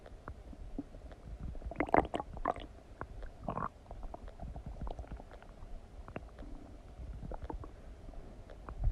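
Irregular gurgles and low rumbles from the abdomen, with a few louder bursts; ordinary digestive bowel sounds after eating.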